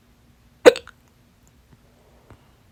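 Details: A single sharp, loud hiccup with a brief catch afterward, then quiet, from a stubborn, fast, late-night hiccup bout lasting 30 minutes, blamed on too much salsa; holding breath failed at first and worked on the fourth try; hiccups.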